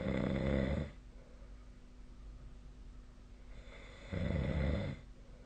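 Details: Nightly snoring recorded with the SnoreLab snoring app, 2025/03/03; two loud, rattling snores on in-breaths about three seconds apart, with quiet room noise between.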